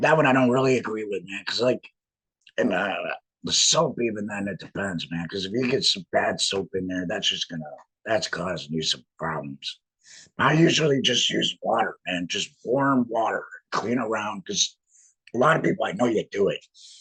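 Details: Man with a laryngectomy who speaks with a voice prosthesis in a tracheoesophageal puncture, sending trapped air up through the prosthesis to vibrate muscle; tracheoesophageal speech after laryngectomy.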